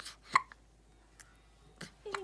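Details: Four-day-old newborn with hiccups: several short, abrupt gulping catches at irregular intervals, with faint room sounds.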